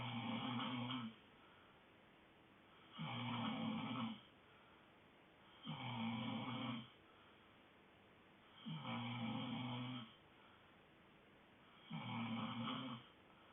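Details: Sleeping dog snoring: steady, rhythmic rough snores about 20 a minute with quiet gaps between breaths.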